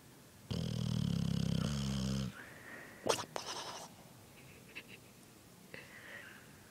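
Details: Sleeping boxer dog snoring: one long, low buzzing snore, followed by soft rustling and quiet room sounds.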